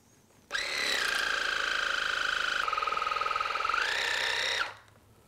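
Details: Loud, continuous pulsing motor whine of a Waterpik with Bionix ear attachments flushing warm water and hydrogen peroxide into the blocked left ear canal; first wash of a multi-fill irrigation to remove impacted cerumen from both ears.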